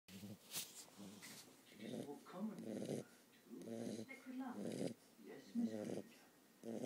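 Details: Sleeping puppy snoring in steady, rumbling bursts with each breath, about 35 to 40 a minute.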